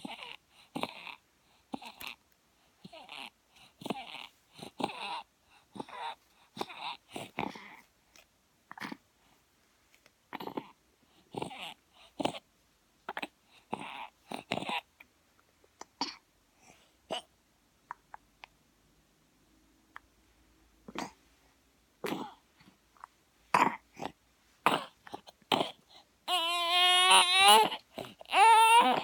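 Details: An infant with RSV breathes quickly and irregularly with noisy, whistling, musical wheezes, ending in a brief cry; wheezing from RSV.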